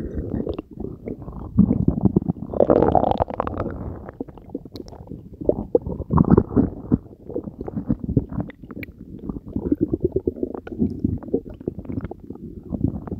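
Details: Belly after swallowing Diet Coke and Mentos, recorded close to the belly: continuous low gurgling and bubbling rumbles with irregular pops; active bowel sounds.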